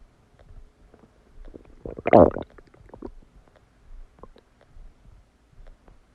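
Gurgling, bubbling abdominal rumbles with one loud burst and scattered smaller gurgles; ordinary bowel sounds of digestion after a meal.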